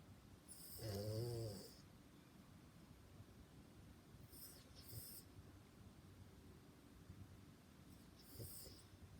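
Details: A loud rumbling snore with a whistling nasal edge, then softer breathing in a quiet room; snoring.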